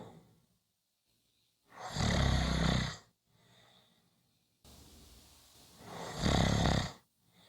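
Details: Short snoring clip: two loud, rough, low snores on breathing in, separated by quiet pauses; ordinary snoring.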